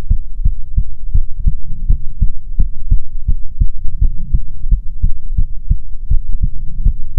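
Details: ASMR heartbeat recording from a female streamer, offered as soothing heartbeats: steady, regular lub-dub at about 86 beats per minute over a low hum; normal heartbeat.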